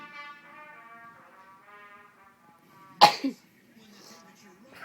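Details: Adult woman (wife) who sneezes repeatedly once started, a single sharp explosive sneeze over soft music and background talk; sneezing.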